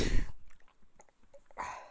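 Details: Adult's sneezing fit during a spoken horse-racing preview: two sudden explosive bursts of air, one at the start and one near the end with a quiet pause between.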